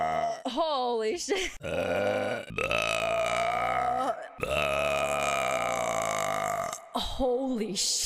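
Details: A compilation of burps: long, loud, drawn-out belches with brief voiced bits between them.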